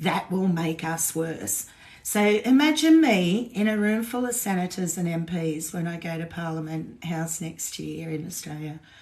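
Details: Woman with essential tremor, voice tremor worse than usual today after two days of drinking alcohol, with alcohol withdrawal shakes on top of her essential tremor; essential voice tremor.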